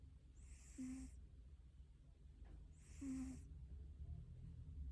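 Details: Sleeping cat snoring: two soft snoring breaths about two seconds apart, each a brief low snort with a whistly, airy edge.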